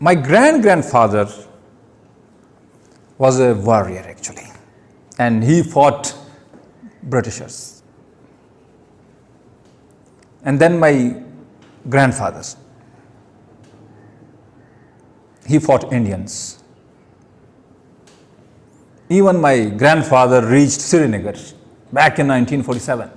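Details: Adult man who stammers giving his first public speech; pauses between words heard; stuttering.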